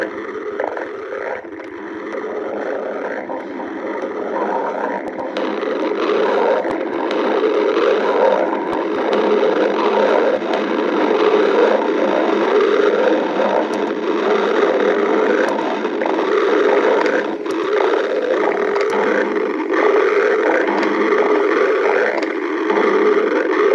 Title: stomach growling 7